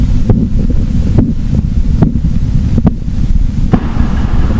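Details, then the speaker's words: Korotkoff sounds heard by stethoscope while slowly releasing a mercury sphygmomanometer cuff during a live blood pressure measurement demo: regular sharp tapping beats, about 70 a minute, over low rumbling noise. "اور آپ کو اس طرح سے ایک سپےسپھك point پر ایک آواز سنائی دے گی دوستوں گور سے سنیے یہ آواز"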